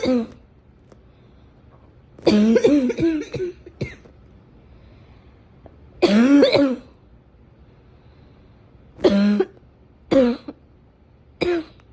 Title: Come spend time with me and my cough